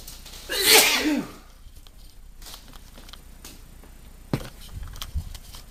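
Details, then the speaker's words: One loud, forceful sneeze, then quiet breathing and small noises, from a man with hay fever triggered by pollen, near the end of about half an hour of sneezing. "Only can imagine what it's like to have this kind of allergy and do this amount of sneezing. Ew. I've had enough now. Oh, about half an hour's worth of sneezing."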